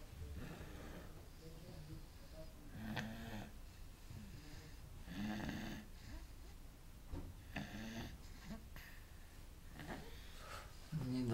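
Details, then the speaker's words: Young child who fell asleep in a baby walker, snoring softly and regularly with gentle rattling breaths in a quiet room: snoring. "маленько до места и уснула зарубила сон я аж храп стоит это храп"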